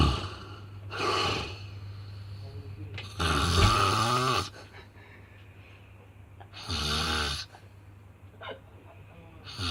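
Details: Bad snoring in sleep: loud, harsh, rattling snores with a snort, about three breaths in ten seconds, quiet room noise between; heavy snoring.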